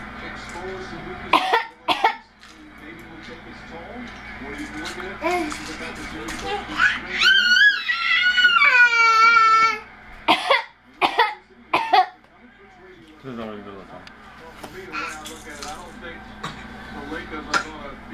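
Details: 30-week-old baby boy gives several short, dry, deliberate coughs between whiny vocal sounds, a fake cough used when bored, frustrated or seeking attention.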